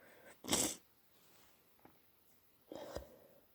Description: I woke up at 3am with a stupidly blocked nose and it was givibg me headache so I induced some sneezes to ease the pressure